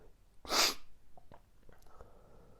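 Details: Morning allergic sneezing fit (happens every morning, lasted about 5 more minutes): one sharp, explosive sneeze followed by soft sniffs and breaths.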